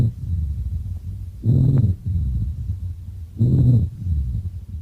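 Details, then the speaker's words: Rhonchi over the large bronchi: low-pitched, snore-like rumbling through the breath sounds, from secretions in the large airways, indicating a lesser degree of obstruction; may change or clear with coughing, as in chronic bronchitis. "Por otro lado, en bronquios de gran calibre tenemos el roncus. Es un sonido más bien grave, por lo tanto indica un grado menor de obstrucción."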